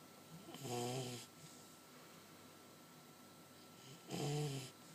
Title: Duke snoring